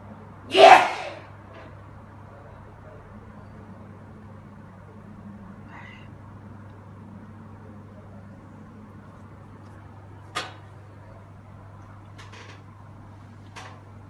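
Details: Man records one sharp sneeze near the start, then steady room hum with faint clicks and taps; single sneeze.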